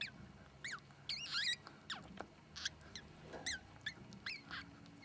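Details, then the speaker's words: Newborn ferret kit crying right after birth, the first of the sable litter to be born, recorded during delivery: high, thin squeaks and chirps in short repeated bursts over a low room hum. "vous pouvez entendre le cri du premier bébé né Le premier furet vient de naître."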